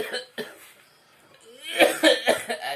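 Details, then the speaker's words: Man coughing from feeling unwell and achy, attributed to masuk angin (catching a chill); cough. "Kenapa Pak aduh batuk nih badan Enggak enak minum siido muncul Tolak Angin"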